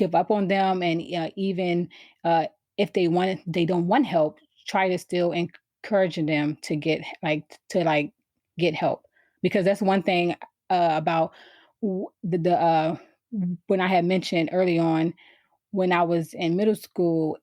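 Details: Adult woman who has stuttered since she began speaking, around age four or five; stuttering.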